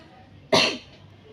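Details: Simulated nursing demonstration of effective coughing technique on an adult woman having difficulty bringing up phlegm for three days, with sputum to be collected for a sample: one strong, forceful deliberate cough in a quiet room.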